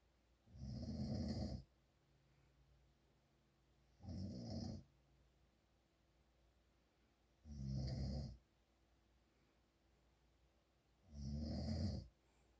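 Four loud, rough snores on breathing in, about 17 a minute, with quiet gaps between; ordinary sleep snoring.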